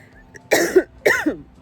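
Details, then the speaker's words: Cough from a post-menopausal woman over 50 who has been coughing up blood, recorded while out on her walk: two harsh, wet-sounding cough bursts. "And I did, because coughing up blood is scary. It's exhausting."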